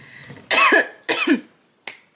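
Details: Two harsh, forceful coughs in quick succession, then a brief faint one, after inhaling cannabis smoke (a hit for each makeup step).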